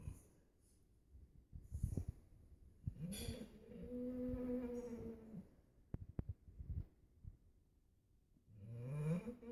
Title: Snoring dog